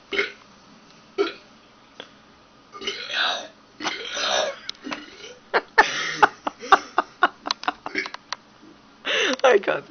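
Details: Man burping on purpose: a string of loud, rough burps mixed with talking and laughter; voluntary belching.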